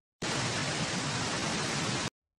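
Steady, even static hiss with a low whooshing quality, simulating a common tinnitus sound.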